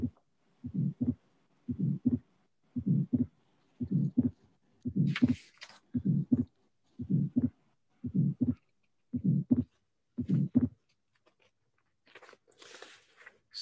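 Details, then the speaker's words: Atrial septal defect in a teaching recording used as a quiz: first heart sound, fixed split second sound and a systolic ejection murmur; the alternatives considered were mitral valve prolapse, mitral stenosis and aortic stenosis. "And okay, congratulations. Atrial septal defect was the result. But now let's show you the finding and let's explain why it could not be the other possibility."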